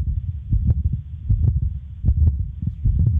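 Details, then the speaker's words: Heartbeats at about 77 a minute with a low rumbling murmur that carries on between beats rather than stopping: continuous murmur of patent ductus arteriosus. "I want you to concentrate on this sound, continuous murmur."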